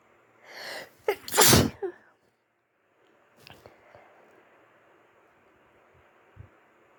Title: Sniffly sneezes at the end of a flu. 🤧